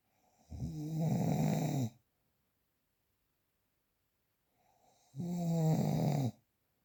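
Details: A real, unprocessed recording of two loud, rattling snores on inhalation, each lasting over a second, separated by quiet pauses; typical snoring.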